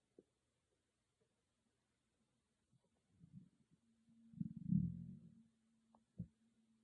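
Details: Stomach growling recorded with only an iPhone and no dedicated microphone: mostly quiet, then a low rumbling growl of about two seconds with a few brief gurgles, consistent with borborygmi.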